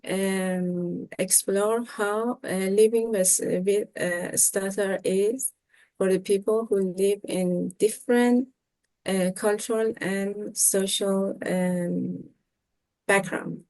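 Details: 25-year-old Iranian man speaking Persian who has stuttered since middle school; after professional speech therapy he improved significantly but still stutters; stuttering.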